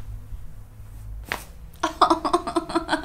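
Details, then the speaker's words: Joint cavitation crack during a chiropractic neck adjustment, patient lying on back, neck turned to side with slight push; patient says it didn't hurt, just sounded scary. "it didn't hurt, it just sounds so scary."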